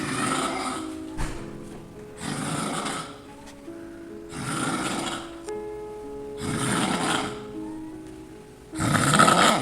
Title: The Snoring Sonata